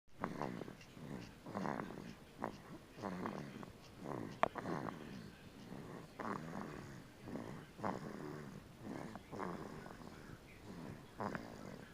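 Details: 2-month-old infant asleep with soft, regular snoring sounds on each breath, around 40 breaths a minute; infant snoring.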